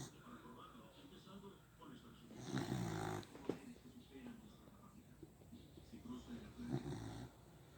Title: Baby girl snoring